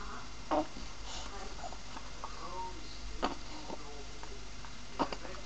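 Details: Two-month-old baby girl with frequent hiccups: three short, sharp catches of breath roughly every two seconds over quiet room noise.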